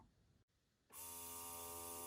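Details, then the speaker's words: Quiet room, then a steady loud motor whine and hum: a Vital Baby electric breast pump running, apparently in expression mode (levels 1–9). "okay now EXP expression that's how that sounds on level one and it also has nine"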